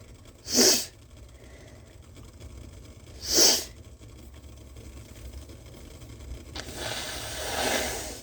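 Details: Woman, on request, leaning over steam before blowing her nose into a bandana as a hankie: two sharp, explosive sneezes about three seconds apart, followed by a longer breathy blowing sound, likely nose-blowing.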